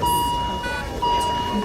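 Two steady electronic tones about a second apart, a repeating device alarm over faint room noise: an ICU device obstruction alarm.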